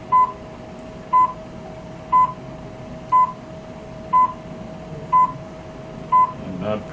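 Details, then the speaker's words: Class IV therapy laser on the lower back, demonstrated for a presumed L4–L5/L5–S1 herniated disc and applied in slow circles: steady short beeps once a second, seven in all, over a faint constant hum, signalling emission. "some laser is on again I want to do this circular motion just nice and slow throughout the area"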